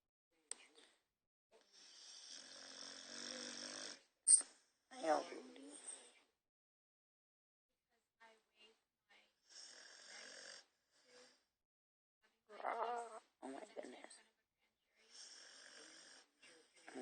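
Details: Sleeping pitbull dog snoring: quiet, irregular noisy breaths with a rough, fluttering quality, separated by pauses.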